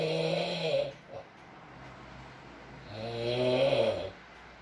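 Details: ASMR of a man (boyfriend) snoring in sleep, with rain and mumbles: two long, loud droning snores about three seconds apart, quiet breathing between; snoring at intervals.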